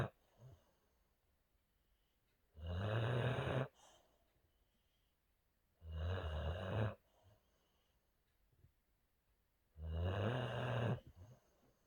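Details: Boxer dog sleeping and dreaming in a quiet room gives three loud, low rumbling snores on the in-breath, about four seconds apart, with quiet pauses: snoring.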